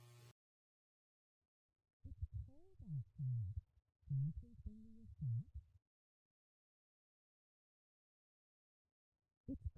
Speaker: The first sentence is an example of how speech may sound for a child with severe to profound sensorineural hearing loss.